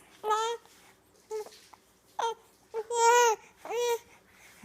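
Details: Baby too young for sugar, with worsening hiccups: short, repeated fussing cries and whimpers in a quiet room; infant cry.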